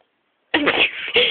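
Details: Demonstration of a cough from a woman who is still unwell, recorded on a mobile phone: cough.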